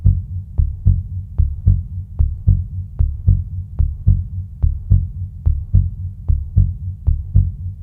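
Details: Steady paired lub-dub heart thumps at about 75 beats a minute over a low hum; presented as the real sound of a beating heart; normal heartbeat.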